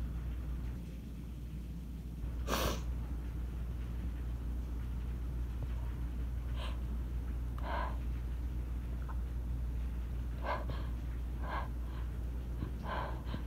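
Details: Person already tickly, recorded on phone during storm; one sharp sneeze then several softer sniffs and small sneezes over steady hiss of heavy rain; small sneezing fit.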